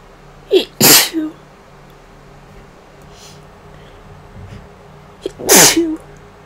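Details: Person home sick with a cold- or flu-like illness of unknown cause, no fever the day before, sneezing: two loud sneezes, each with a quick in-breath before the burst, separated by a few seconds of quiet.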